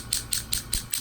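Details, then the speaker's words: Rapid, regular sharp ticking pulses about five a second from a low-level shockwave therapy handpiece treating a partial lateral ankle tendon tear with degeneration in the right ankle. "we're very very crafty when it comes to the use of low-level shock wave therapy"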